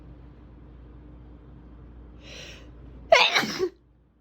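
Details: A quiet indrawn breath, then one loud, explosive sneeze with a forceful burst of air, with fan noise in the background.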